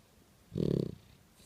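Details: Boxer dog snoring while asleep: a single low, fluttering snore lasting about half a second in a quiet room.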